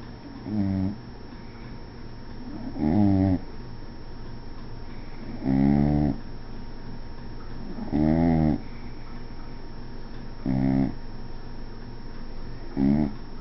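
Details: Regular rumbling snores from a sleeping dog, six in about 13 seconds, roughly 25 breaths a minute.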